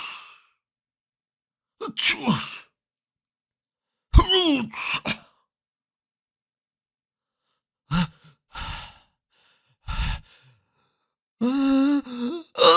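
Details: Several short, sharp bursts with inhaled lead-in, each a different style, from a sneeze sound collection of different people; series of sneezes.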